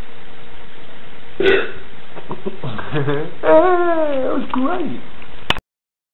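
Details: A boy's long, loud, voiced belch with rising and falling pitch after a shorter one, billed as bacon burps; burping.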